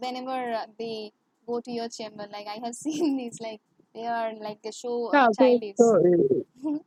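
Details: Woman who has stammered since childhood, worse in English and with high-authority persons, heard in English conversation; stuttering.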